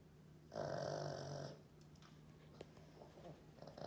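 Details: Snoring in a dog: a single rasping, fluttering snore on an in-breath, then quiet breathing with faint room noise.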